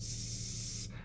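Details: Child-directed therapist cue: /s/ produced with teeth closed and a smile; correctly produced sustained /s/.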